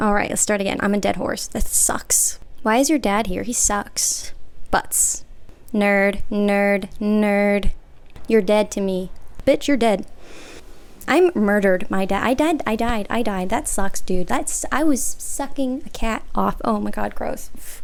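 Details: Vocal tics with coprolalia in an adult woman with Tourette syndrome; tics are involuntary, including swearing and involuntary phrases.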